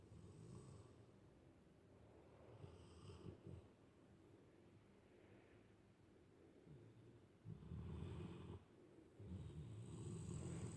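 Low rumbling snores on breaths, some loud and fluttery, with snorts between them; dog snoring.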